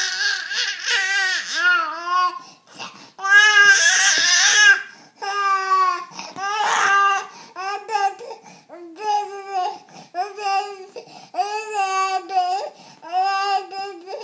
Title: baby crying 3